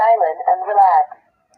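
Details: Digital talking blood pressure monitor: a brief thin, tinny synthetic voice announcement as the power button is pressed, before automatic cuff inflation during a self-measurement demonstration.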